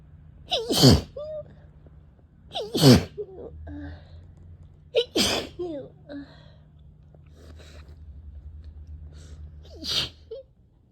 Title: sneezing and sneezing